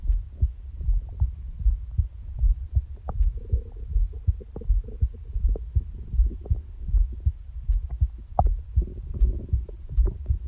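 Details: Steady low heartbeat thumps, about 79 a minute, described as a "skippy" heart, with gurgling stomach-growling rumbles (borborygmi) layered over them, recorded by the person themselves.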